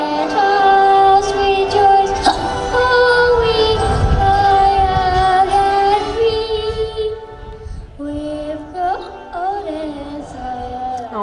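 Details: 7-year-old boy singing the Australian national anthem, with sudden hiccup catches breaking into every sung line; hiccups.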